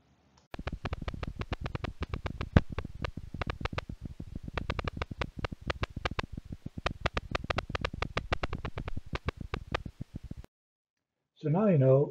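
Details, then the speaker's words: Needle EMG recording: rapid, irregular, crackly clicking of small polyphasic motor unit potentials from immature reinnervating sprouts, the first sign of early reinnervation. "the number of muscle fibers that are connected to a single axon is low and this leads to small polyphasic munit potentials as you can see here"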